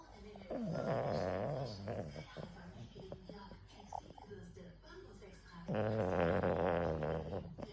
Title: Boston Terrier snoring